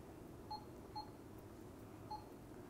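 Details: Three short, clear electronic beeps from keypad presses programming a bolus on a Fresenius Kabi Agilia SP syringe pump during training, over quiet room noise.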